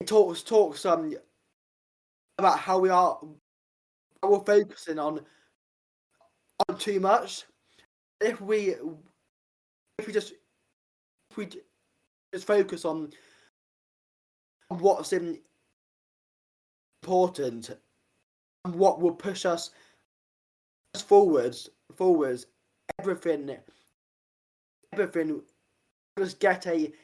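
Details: Adult man with a stammer, a former army medic turned personal trainer; stuttering.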